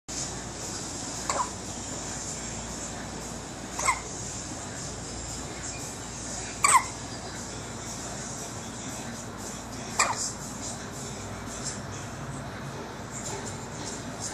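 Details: Infant hiccups in a baby: four short, sharp hiccups about every three seconds over steady background hiss; normal hiccups.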